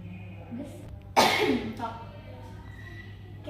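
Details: Nursing practical demonstration of the effective cough technique on a female patient: a single forceful, acted cough after a held breath, with faint room noise, for clearing airway secretions.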